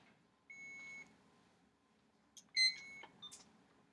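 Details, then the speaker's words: Several short high-pitched electronic beeps in a quiet room from a medication barcode scanner reading a label, after the patient's name, date of birth and allergies are verified; a green screen confirms correct identification. Nursing-student demonstration. "you want to make sure that comes up green so it is the correct identification"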